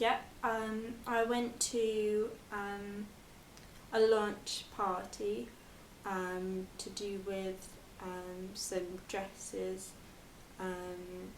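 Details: 22-year-old woman with expressive aphasia after a stroke at school at age 18, recorded four years post-stroke; her speech has improved, but reading, writing and numbers remain difficult.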